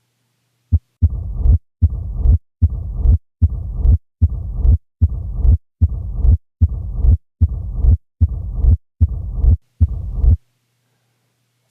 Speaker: here's an example of a high-pitched [Music] murmur here is a low pitched one